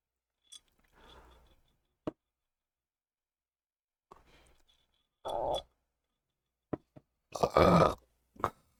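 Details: Soft swallowing and mouth clicks, then a short throaty burst and louder gurgling burp after drinking a melon soda; a belch after Botox treatment for retrograde cricopharyngeus dysfunction.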